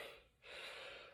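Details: Adult male with Tourette syndrome, diagnosed at age 7 and living with it over 22 years, on various medications; painful vocal and throat tics every couple of seconds while speaking; gasp- or snort-like vocal tic.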